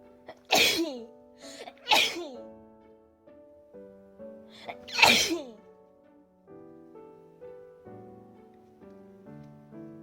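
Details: Sneezes deliberately induced by pushing tissue far into the nose for a sneezing challenge: three loud, sharp sneezes over piano music; sneezing.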